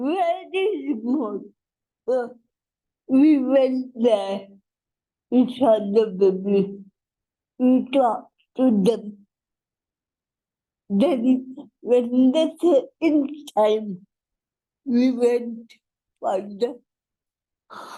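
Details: Adult woman with cerebral palsy whose speech is hard to understand; dysarthria (cerebral palsy).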